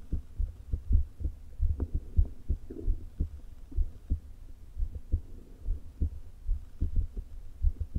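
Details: Woman's heart recorded through a low-placed stethoscope: rapid, irregularly spaced beats of uneven loudness with stomach rumbling. Atrial fibrillation with a leaking heart valve, before open heart surgery.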